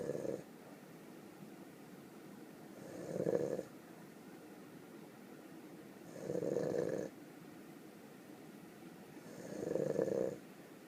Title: Snoring in the burro